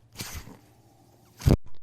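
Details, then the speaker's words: Speaker's own mechanical ventilator, heard while they talk during recovery from pneumonia last month: a soft hiss, a quiet low hum, then a sharp low puff of air as it cycles. "hello everyone my name is that noise you're hearing is my ventilator welcome to only what you take with you presented by Pig Turners they were not my Star Wars"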